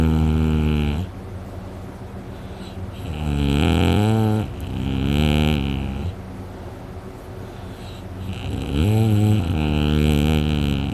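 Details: Person asleep, very tired after a day out hunting, later reports a very sore throat: very loud, deep, rattling snores on slow breaths with a steady hum between; heavy snoring.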